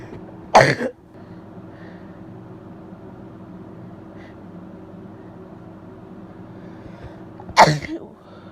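Two sudden explosive bursts about seven seconds apart, each a wet sneeze, over a steady background hum.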